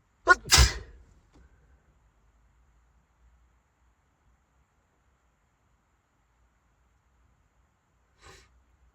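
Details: Sneezing while driving a car, forcing the driver to pull over: a sharp inhale, then one explosive sneeze, followed by near silence.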